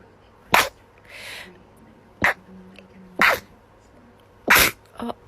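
Four sharp, explosive sneezes in quick, irregular succession, with a snort and wet nasal sounds between them; a sneezing fit.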